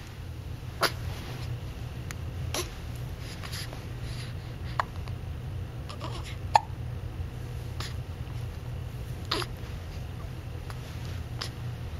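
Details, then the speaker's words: Hiccups: short, sharp, soft hiccups recurring about every two to three seconds over a steady low room hum, described as happening often. "Do you have the hiccups? Sorry, bud. You get the hiccups a lot, huh?"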